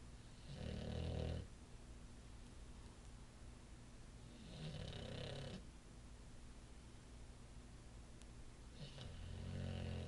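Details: Male Olde English Bulldogge asleep on his favorite couch, recorded on an iPhone: deep, rumbling snores on each breath, about every four seconds, with softer rattling between; dog snoring.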